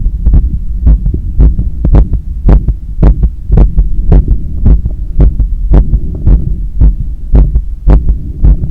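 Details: Rapid forceful heartbeat after exercise.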